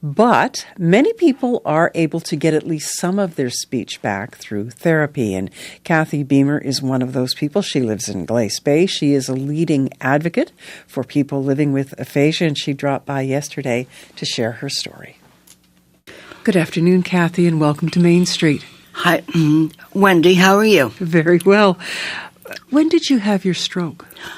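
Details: Adult women, radio interview; normal speech.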